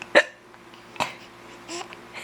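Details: Child and mother both with hiccups, recorded together: two sharp, sudden hiccups about a second apart, a quieter voiced sound after, and a steady room hum.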